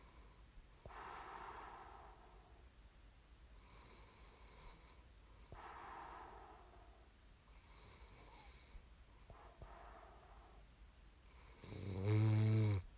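Soft snorting breaths with faint fluttering, then one loud buzzing snore at the end. Snoring during sleep.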